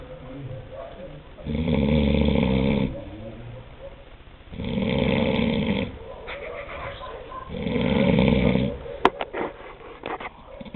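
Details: Adult man snoring about five minutes after lights out in a dark room: loud, rough snores on three slow breaths, about 14 a minute, with quieter breathing and faint room noise between.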